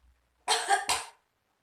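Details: Role-played nursing demonstration of effective cough technique for a patient with pulmonary TB: after deep nasal breaths held to a count of three, two forceful coughs in quick succession to clear airway secretions.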